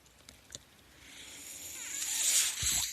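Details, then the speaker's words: The speaker's own mechanical ventilator sounds during a podcast introduction: soft clicks, then a rising airy hiss that swells and holds, with a low thump near the end; mechanical ventilator. "Hello everyone. That noise you're hearing is my ventilator, and welcome to Page Turners They Were Not, my Star Wars podcast."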